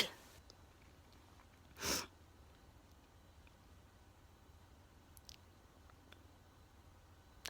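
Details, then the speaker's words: Single sharp, explosive, non-snotty sneeze from an adult sitting outside on a warm night, followed by faint sniffs in a quiet setting: sneezing. "it's not it's not as not not a snotty sneeze oh god is it finished now i'm sure i'm going to wait the neighbors up sneezing so hard because i'm sitting outside"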